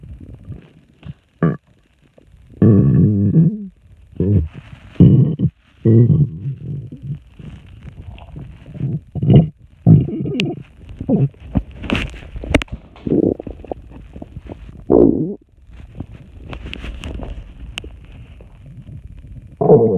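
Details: Repeated loud bubbling gurgles and rumbles in bursts after drinking a lot of water; frequent stomach rumbling, borborygmi.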